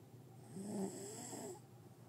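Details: A person snoring while asleep in an apartment: a single drawn-out, rough, fluttering snore lasting about a second.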